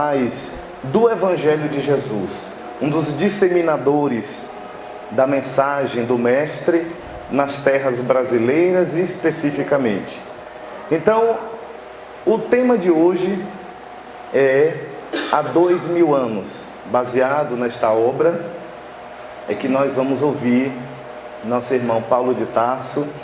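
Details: Adult man speaking; normal speech.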